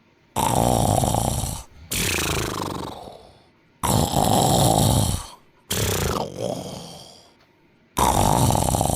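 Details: Snoring.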